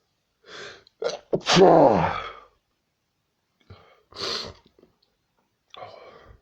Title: sneezing like mad